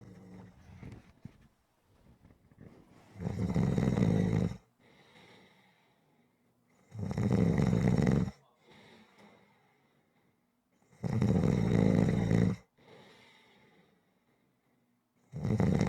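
Regular deep, buzzing snores about every four seconds, near 15 a minute, with soft breaths between: rhythmic snoring.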